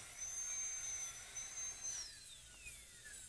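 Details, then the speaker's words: Dental drill on a mannequin tooth drilling small holes to go deeper gingivally and axially on the facial side of a class II preparation, thin high-pitched whine holding steady then falling as it slows. "And if you want to go deeper gingivally, drill a couple little holes. And I could go a little deeper axially on that facial side."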